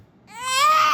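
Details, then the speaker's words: Single rising, clear-toned cry building in strength from a roughly 68–76-day-old baby boy with a cough; caregiver says he is crying on purpose; infant cry. "अब जानबूझ के रो रहा है इसका matter नहीं है रोने का"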